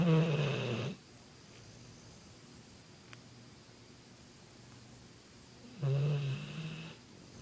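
Two low, buzzing snores about five seconds apart, with quiet breathing between; ordinary snoring in a sleeping dog.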